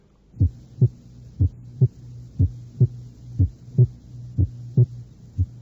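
Regular two-part heartbeat at about 60 beats a minute over a low hum; the second sound splits and merges with breathing, paradoxical splitting from left bundle branch block.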